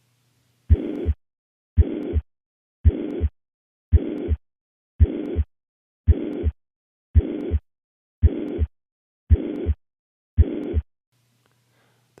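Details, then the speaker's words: Steady, even, uniform whooshing murmur filling systole at about 56 beats a minute. Holosystolic murmur of mitral regurgitation from a constant left ventricle-to-left atrium pressure gradient. "pressure gradient between the left ventricle and left atrium remains relatively constant throughout syst resulting in a uniform or holosystolic shape"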